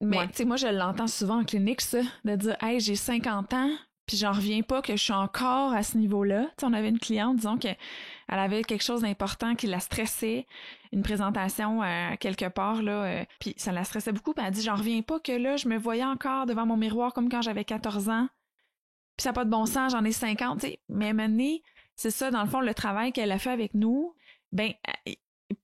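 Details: Adult woman speaking French; no speech disorder.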